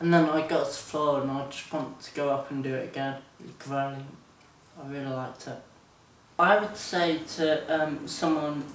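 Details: 24-year-old man with Friedreich's ataxia, diagnosed at 17, symptoms since about age 13; ataxia described as making speech slurred and hard to understand; ataxic dysarthria.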